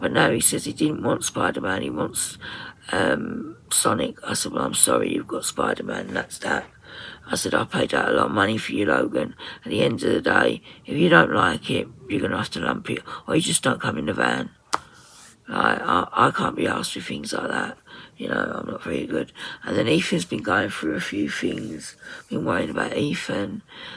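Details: Woman with voice dysphonia, very tight, stressed muscles around the vocal cords, also affecting swallowing, attending speech therapy; voice at times distorted or lost; muscle tension dysphonia.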